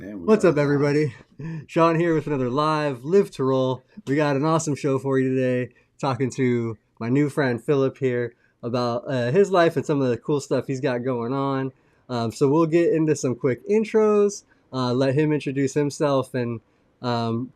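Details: Adult male speaker; normal speech.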